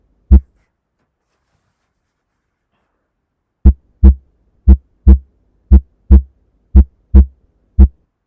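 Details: Self-performed core exam practice: a single thump, a pause, then regular paired lub-dub beats at about 57 a minute; normal heart sounds through the stethoscope bell with light pressure.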